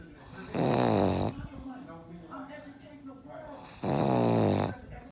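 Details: Very loud heavy snoring: two loud, harsh, rattling snores a few seconds apart, with quiet breathing between them.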